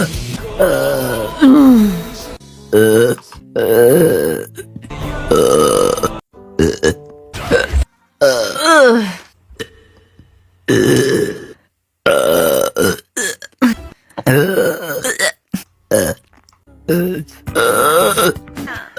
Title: Hiccup burps